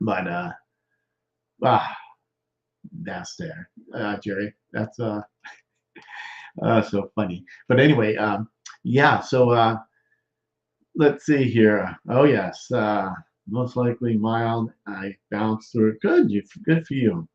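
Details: Male stroke survivor more than 13 years post-stroke with non-fluent aphasia, with word-finding difficulty, trouble with small function words and word substitutions; expressive (Broca's) aphasia.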